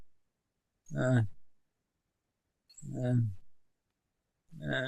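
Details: Man with bulbar ALS in a brain-computer interface (BrainGate) trial, speaking a phrase; severe dysarthria (bulbar ALS).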